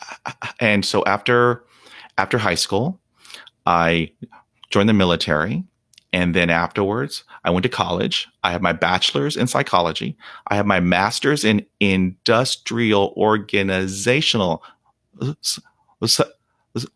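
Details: Real, unedited speech of a 48-year-old man who has stuttered for 43 years. Onset was at age five, when shock/trauma from a dog attack left him at 0% fluency. He reports blocks without breathing, trouble with S, H and P sounds, and facial tics. Stuttering.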